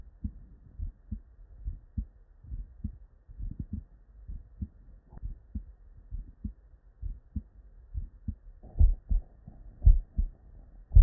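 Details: Real, unedited bedside human auscultation from a patient with normal cardiac physiology; soft low lub-dub at roughly 55 beats a minute with no added sounds: normal first and second heart sounds.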